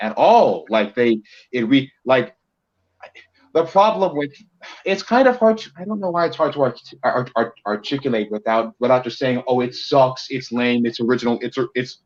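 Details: Male co-host who self-reports a bit of a speech impediment of unspecified type: disfluent speech with repetitions.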